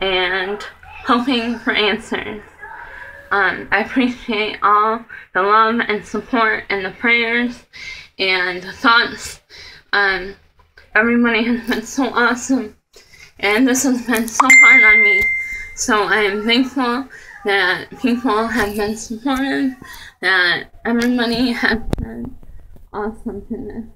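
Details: Woman with myasthenia gravis, before diagnosis and hospitalization, about two months of symptoms including trouble keeping her eyes open, on her way to a neurologist: hypernasal, imprecise speech from bulbar weakness (myasthenia gravis)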